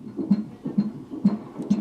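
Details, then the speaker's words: Fetal heartbeat on Doppler at a routine prenatal consultation, baby head down in the uterus: rapid, regular whooshing at about 130 beats a minute, normal. "ensuite on écoute le coeur du bébé bien sûr systématiquement c'est vrai que c'est toujours sympa d'entendre le coeur du bébé"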